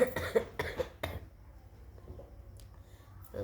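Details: Woman with a severe cold, blocked nose, breathing difficulty, chest pain and poor appetite: a run of about four short, harsh coughs in quick succession, then quiet room sound.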